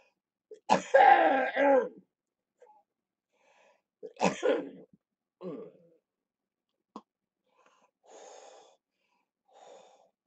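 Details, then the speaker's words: During lower-lobe chest therapy for cystic fibrosis, harsh wet coughing bouts followed by noisy breaths as mucus is cleared; productive cough during airway clearance. "I would keep going and coughing so I cleared out as many of those I could just trying to get stuff out"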